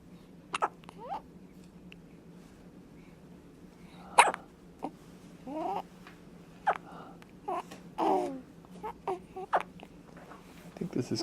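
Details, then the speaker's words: Newborn on day 2 of life with short, sharp hiccups, small sneezes and soft grunts and squeaks in a quiet room; hiccups persisting; baby rooting for food; adults say "bless you." "hey jane hey jane hey jane oh bless you oh bless you and the hiccups are still here"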